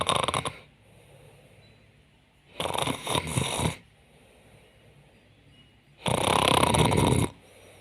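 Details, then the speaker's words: Awake woman pretending to sleep to see someone's reaction: three loud, rough faked snore bursts with quiet pauses between; imitated snoring. "me voy a hacer la dormida y como que estoy roncando para para ver qué cara pone el Jonathan"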